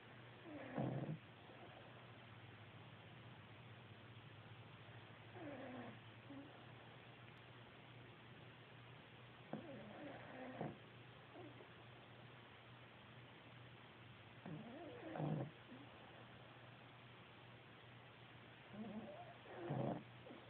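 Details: A dog sleeping on its owner snores in rhythmic bursts, roughly 13 breaths a minute, over a steady low hum.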